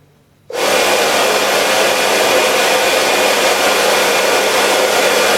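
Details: Homemade emergency CPAP ventilator running off a battery with a face mask: after brief silence the motor starts, then a steady, loud, rushing blower noise like a hair dryer.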